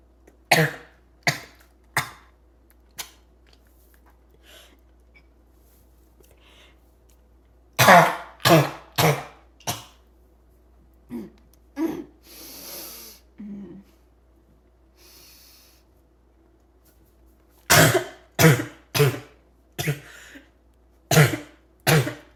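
Bouts of harsh, explosive coughing in clusters, with a barking, choking quality and noisy breaths between.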